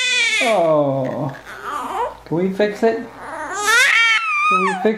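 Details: Six-week-old baby boy who had hiccups, then crying: rising, strained wails with short broken cries between.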